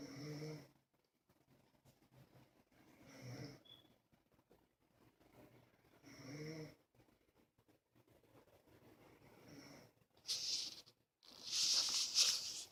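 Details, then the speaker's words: Dog named Bear asleep in the background: soft rhythmic snoring about every three seconds, then a couple of louder snorting breaths near the end; snoring. "you know I knew in the background he's a bear snoring hear that yeah ain't bear snoring"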